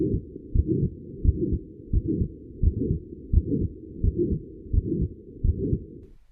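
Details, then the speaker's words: Midsystolic crescendo-decrescendo murmur, as in physiologic flow murmurs or aortic stenosis: regular heartbeat near 86/min, murmur swelling then fading between S1 and S2, with brief gaps before S2. "For example, a midsystolic murmur heard in physiologic flow murmurs or the crescendo decrescendo murmur of aortic stenosis begins after S1 and stops before S2."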